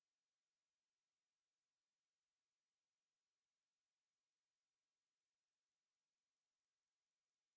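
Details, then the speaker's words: High-pitched hearing self-check tone meant for enclosed headphones in quiet conditions: a very high, thin, steady tone fades in after silence and holds; the listener pauses on first hearing it; not a clinical test. "Pause the video as soon as you start hearing a high-pitched sound in order to see your results."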